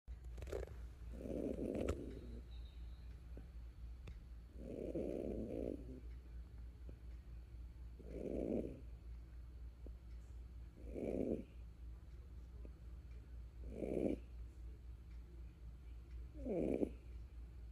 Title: Do Kangaroos snore? Turn up your sound and find out. #kangaroos #cuteness #animals #funny